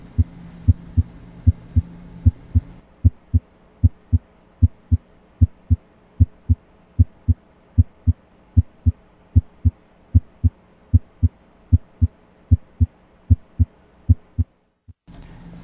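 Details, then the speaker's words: Normal heart sounds heard with a stethoscope diaphragm during a teaching cardiac exam, listening systematically from the aortic area to the apex: steady, regular lub-dub at about 75 beats a minute, with faint low hum at the start and end. "know that there's specific sounds that are heard loudest at certain locations again s1 is loudest at the apex and s2 is largest at the base of the heart"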